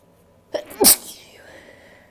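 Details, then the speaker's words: Induced sneeze, the first of 2019 after months without inducing: a quick breath in, then one sharp, explosive sneeze fading into the following breath. "about to induce my first sneeze of 2019. I haven't actually done this in like months and months and months, so I don't know if I'm going to be very good at this, but okay."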